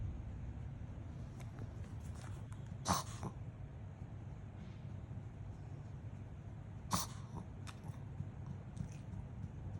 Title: Black Pomeranian Reverse Sneeze